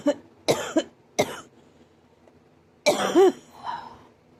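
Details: Painful adult cough hurting the ribs and chest: several harsh, forceful coughs in short bursts with pauses, the last bursts strained and voiced.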